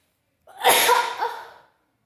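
A single loud, wet, explosive sneeze lasting about a second, then silence.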